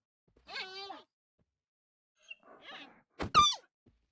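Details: Young panda gives a single sudden, sharp sneeze after a couple of faint squeaky sounds.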